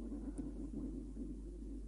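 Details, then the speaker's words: Audible stomach rumbling (borborygmi) from a hungry adult speaker during a podcast recording. "hear that that's my tummy wmy my tummy wmy I'm hungry"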